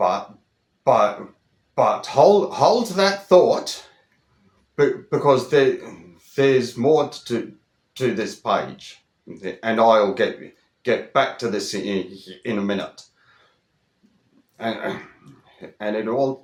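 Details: Adult Australian over 25 who stutters, speaking in a monologue with word repetitions; stuttering.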